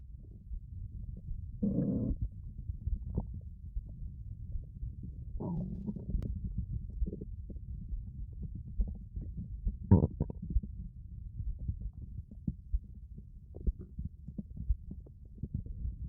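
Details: Stomach growling recorded with a 3Dio binaural microphone: low gurgles and rumbling squeaks over a steady low murmur, typical borborygmi from gas and fluid moving through the gut.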